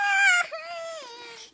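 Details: A baby girl gives a brief high-pitched infant cry that breaks and trails off into a softer whimper.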